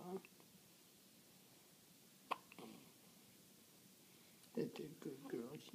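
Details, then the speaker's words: Infant with hiccups, recorded by the father: two brief, sharp hiccups in a quiet room with soft adult voices near the end; infant hiccups. "daddy wanted to record emma's little hiccups i told you i told you they'd be over any second"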